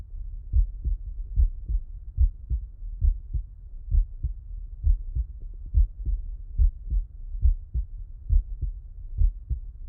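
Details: Stethoscope auscultation of a person lying on the left side: regular low lub-dub heart sounds at about 70 a minute. Normal heart sounds.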